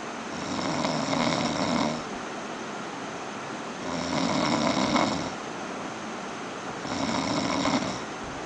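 Loud, harsh rattling snores on each breath, about three seconds apart, roughly 20 a minute, over steady room noise. Heavy snoring.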